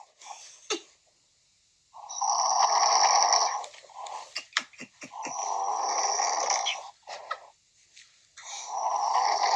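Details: A friend fell asleep during a phone conversation and snores: loud, rasping, fluttering snores on long in-breaths, with quiet gaps and softer breaths between.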